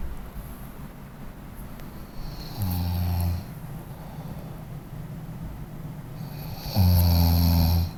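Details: Person snoring: two deep, droning snores about four seconds apart over steady room hum; ordinary snoring.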